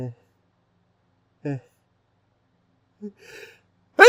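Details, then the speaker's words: Male adult's hitching pre-sneeze gasps, a sneeze that feels stuck: short catching in-breaths with pauses, building to a loud sneeze burst at the end. "It's been so stuck. I just want to sneeze."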